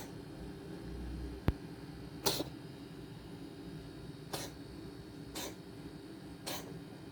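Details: Four short, sharp, airy bursts spaced a second or two apart over quiet room hum: a cat's coughing spell.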